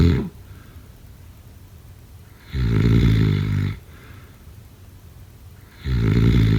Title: #snoring #snoringasmr #snoringsleepingsoundeffect #snoringsounds